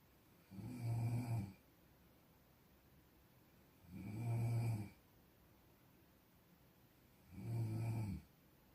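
Three low, vibrating snores at a steady rhythm, about 18 a minute, with quiet pauses between; typical adult snoring.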